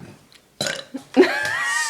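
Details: Boy burping repeatedly: one loud, drawn-out belch after a short pause, with a rising tone at its end; voluntary burping.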